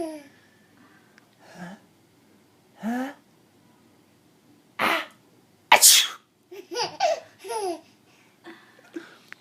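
Two sharp, explosive sneezes in the middle, surrounded by laughter and vocal sounds in a quiet room.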